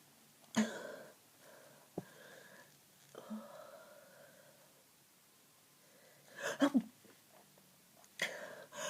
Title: Very congested cold sneezing part 1